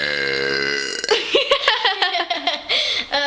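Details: Deliberate burping in a girls' burping contest: a long, loud voiced burp with rising and falling pitch, then a short run of burp-like vocal sounds.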